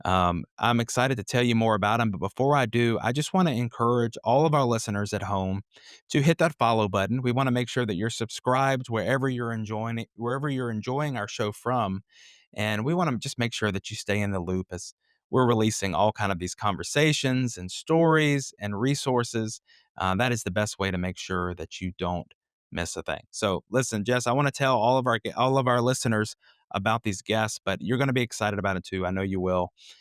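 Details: Adult male podcast host; normal speech.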